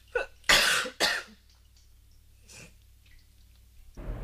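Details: Simulated cough by an actress: two sharp bursts after a short lead-in, then a softer breathy sound.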